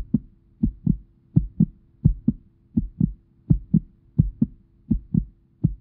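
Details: Simulated heartbeat heard through a stethoscope; regular paired lub-dub sounds at about 85 beats a minute with a faint steady hum; normal heartbeat.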